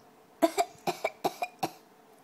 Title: fake coughs